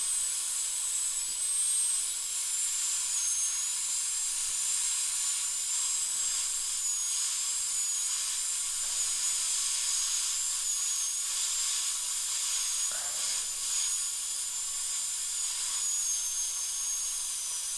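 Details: Steady high-pitched whine of a high-speed dental drill with 2 mm bur tracing out a large amalgam filling in upper second molar (tooth #2) under rubber dam for a crown; faint faltering as bur meets tooth.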